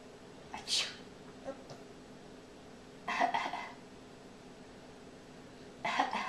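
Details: Three brief, sharp sneezes spaced a few seconds apart over quiet room noise, recorded on a Flip Video camera; repeated sneezes.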